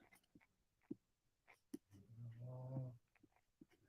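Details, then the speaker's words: Female dog snoring in the background during a livestream, loud enough to sound like a grown man: snoring. "and don't mind my dog is snoring in the background if you can hear her can you guys hear my dog snoring in the background I swear that's not a grown man"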